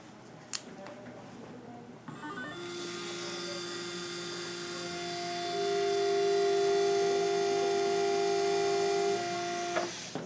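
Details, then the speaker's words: Steady high-pitched motor whine, rising in pitch, of a spade marking drill marking the bone site for a 3.75 mm by 13 mm C1 dental implant. "first I would want to mark the site using either our Spade marking drill or regular marking drill I'm going to use the Spade marking drill"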